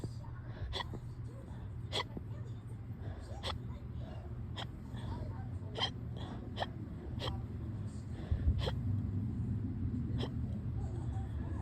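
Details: Tiny, very fast hiccups in a person with hiccups on and off since the previous day; small sharp quick catches repeating over low background hum.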